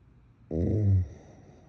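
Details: Adult woman snoring in bed, possible sleep apnea tagged: a single loud, low, rattling snore lasting about half a second, in a quiet room.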